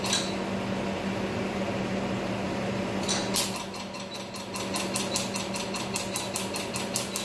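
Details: Laser tattoo removal in a dermatology clinic, patient saying it does not hurt; steady room hum, then rapid sharp snapping clicks, about four a second, from laser pulses.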